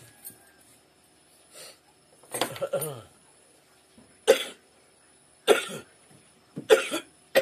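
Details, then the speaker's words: Cough from an adult sick for three days with a hoarse voice, headache and body aches, which the patient thinks could be either Covid-19 or dengue fever. "I got this cough you can hear my voice and it makes my head pain and my body aching"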